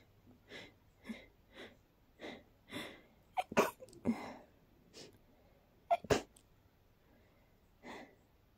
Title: Short, dusty sneezing fit 🤧